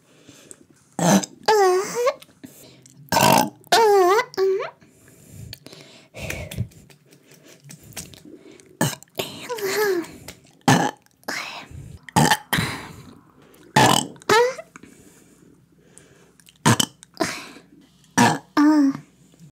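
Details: Woman burping: about a dozen loud, deep, croaky belches in a row, some long and drawn out, from a burp compilation; repeated burping.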